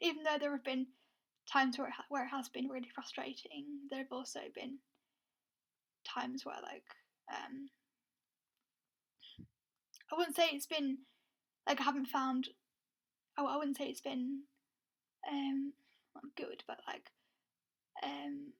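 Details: Lifelong stuttering (stammer) in an adult woman who had speech therapy at ages 12 and 16.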